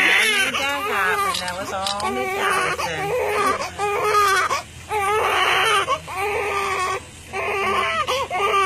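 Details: Newborn baby right after birth, following 10 minutes of pushing, placed on the mother: loud, strong crying in repeated bursts with brief pauses for breath and adult voices nearby; a normal vigorous newborn cry.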